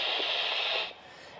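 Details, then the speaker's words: Handheld Doppler over the left saphenopopliteal junction, patient standing, during a calf squeeze in a varicose vein exam: a single hissing whoosh that cuts off abruptly, suggesting a competent valve. "squeeze the calf and listen for a Doppler sound one whoosh with an Abrupt cut off suggests a competent valve"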